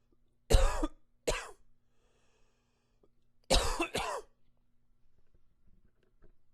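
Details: Two pairs of harsh coughs with quiet breathing between them in a still room; repeated coughing.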